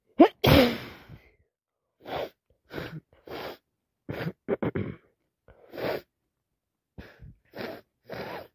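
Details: One loud sneeze followed by a long run of short sniffs and breaths, sniffling with a runny nose from a common cold.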